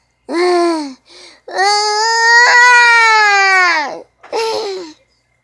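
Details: Infant crying sound effect: three loud, high-pitched bursts, the middle one long and sustained, with a quiet catch between; infant cry.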